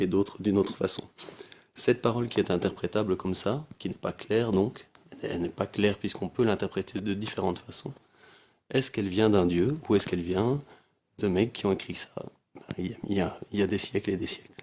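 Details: Adult man speaking French; Normal voice.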